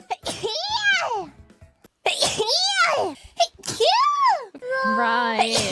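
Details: Streamers sneezing, compilation: several high, voiced, sing-song sneezes over background music, a string of playful sneezes.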